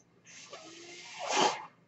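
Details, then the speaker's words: Podcaster's own mechanical ventilator heard during speech: soft airy hiss swelling into a louder rushing puff as one breath is delivered. "Hello, everyone. My name is. That noise you're hearing is my ventilator."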